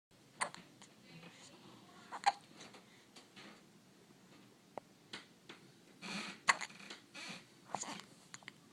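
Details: Nicolas has hiccups, sharp abrupt catches at irregular intervals, about five in nine seconds, with soft breathing and vocal noises in a small room.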